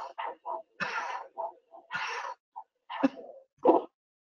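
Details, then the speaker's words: Doppler probe on the demonstrator's own radial artery while he coughs: each short cough burst produces a whooshing Doppler pulse like a heartbeat, showing the thoracic pump mechanism of CPR. "I want you to hear every time I cough, the Doppler is going to make that sound as if I'm having a heartbeat. So every time I'm sort of making a cough,"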